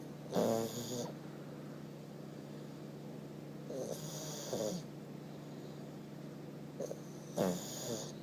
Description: Our 1 year old Pug Fez Snoring LOUDLY!!!! Funny, Cute Boy.....